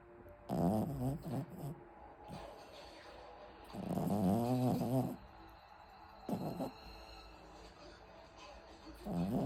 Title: my favourite snore by the way